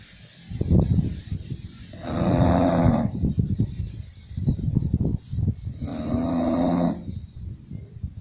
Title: Snoring English Bulldog